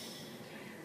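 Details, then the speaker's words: Steady loud mechanical hum and hiss of a nebulizer compressor running with the medicine cup and mouthpiece attached, producing white vapor, used for a sick baby's breathing treatment. "I'm going to show you how loud and obnoxious it is it may not sound it but it really is and then you get to see because nothing in there but a white Vapor will come out and that's medicine"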